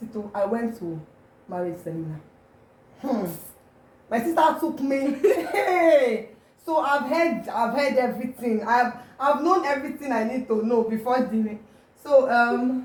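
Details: Adult woman with mild stuttering noticed since primary school, occurring mainly when she is excited; stuttering.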